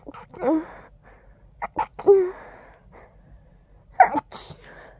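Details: Stifled sneezing with nasal congestion: several quiet, held-back sneezes, each a short breath-in followed by a muffled burst.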